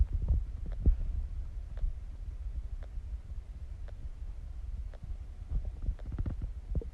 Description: stomach digesting growling sounds